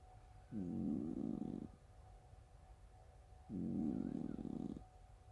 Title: Snores that sound like farts ❤